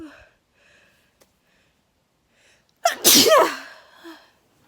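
A single loud sneeze, a short sharp intake then an explosive burst, in a quiet room.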